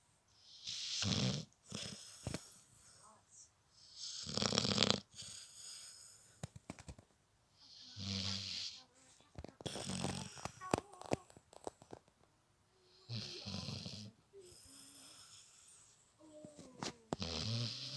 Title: ether snoring part 2